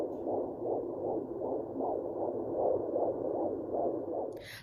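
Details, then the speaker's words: Fetal heartbeat of a baby boy at 22 weeks of pregnancy on an unbranded handheld home fetal Doppler: fast, regular whooshing pulses about 160 a minute. It is quieter than a clinic Doppler and fades as the baby moves. "oh there it goes there's his heartbeat see like it's not as loud as it would be if i were using the doppler at the uh the doctor's office"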